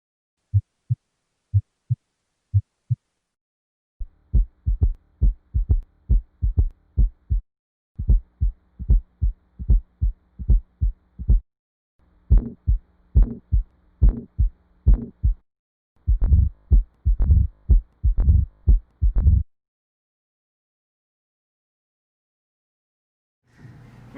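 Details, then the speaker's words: Normal heart sounds at about 70 beats a minute: a steady, paired lub-dub, with S1 from closure of the tricuspid and mitral valves and S2 from closure of the aortic and pulmonic valves. "the normal heart makes two sounds a love and a dub sound these have been named s1 and s2 the s1 lub sound is produced by the closing of the tricuspid and mitral valves"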